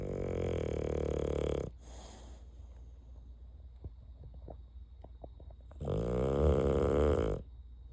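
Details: Bulldog snoring after lights out: two long, loud, buzzing snores separated by a few seconds of quieter breathing.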